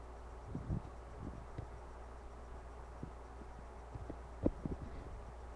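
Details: Empty-stomach growling about 17 hours after the last meal, mostly from just above the navel: soft, scattered low pops and brief gurgles over a steady low hum, ordinary hunger-related borborygmi.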